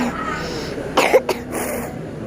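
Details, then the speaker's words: A 4-year-old child at a doctor's visit, sick with cough and runny nose, gives a few short, light coughs over room noise. "Sakit apa? Sakit batuk-batuk."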